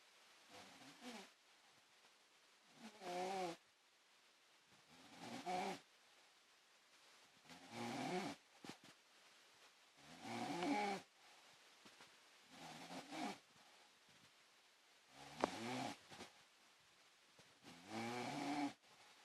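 Soft, rhythmic snoring with a faint whistling tone, about 24 breaths a minute, in a quiet room.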